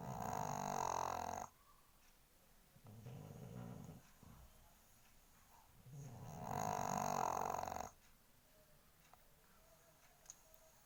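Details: A sleeping pug makes loud, rattling, buzzy snores with quieter wheezy breaths between them in a quiet room; snoring.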